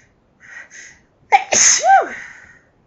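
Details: A couple of quick indrawn breaths, then one loud, sharp sneeze with a voiced trailing cry; sneezing fits blamed on house dust; sneeze.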